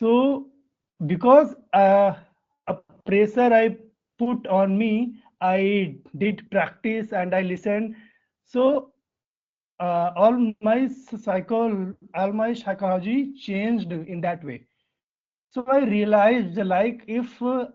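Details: Adult man from India with real, persistent stuttering that began in early childhood, around class one or two, and still affects his speech in meetings; finding: stuttering.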